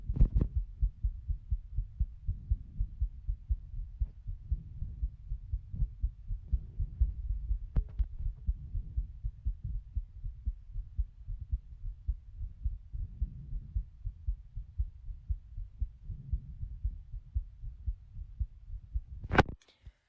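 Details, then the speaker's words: Rapid heartbeat recorded right after running: fast, steady low thumps at about 120 beats a minute, quickened after exercise. "I'm gonna do jumping jacks and run around my room, and then I'm gonna record my heartbeat. Okay, let's see my heart."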